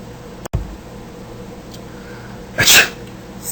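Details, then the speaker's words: Single sharp burst of air with a hissing release in a quiet room, a typical sneeze. "sneezing Force the saliva and germs out you don't need to spread your Sal and germs to others sneeze in a tissue or in your elbow"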